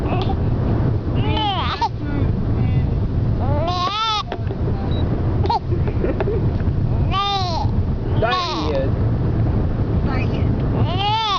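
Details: Forceful, "angry" hiccups recorded during a road trip.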